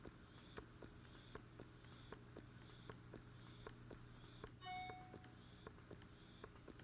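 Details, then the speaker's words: Quiet, rhythmic soft clicking and low hum at about 78 cycles a minute with a brief beep from an Elvie wearable cordless breast pump running, held close to the microphone; noticeable but quieter than other pumps. "as you can see it's pretty quiet it is noticeable but it's still much quieter than other pumps"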